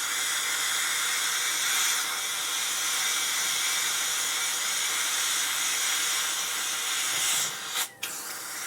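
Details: Dental drill running: a loud, steady, high-pitched hissing whine without a break, then briefly cutting out.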